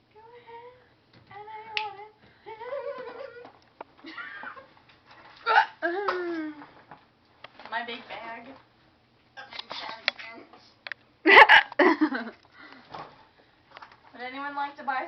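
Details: Child's singsong speech ("wanna buy some chocolate?") broken by abrupt, sharp catches of breath; hiccups.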